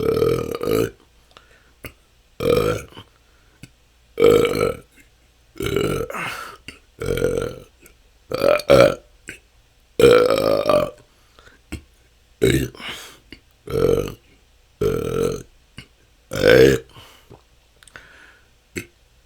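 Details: Person with excessive belching they say has lasted a couple of years and can go on for hours, feeling they have stored up gas: a rapid series of about fourteen loud, short belches in under twenty seconds, almost nonstop.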